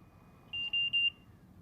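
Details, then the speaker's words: Trilogy 100 portable ventilator after pressing start/stop: three short high-pitched beeps over quiet room hum as the alarm LEDs flash briefly; start-up tone signalling that therapy has begun. "the red and yellow alarm LEDs turn on momentarily and an audible indicator lets you know that therapy has started"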